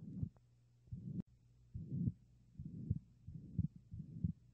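Child's heartbeat by stethoscope with a harsh, rushing murmur filling each beat, typical of a ventricular septal defect.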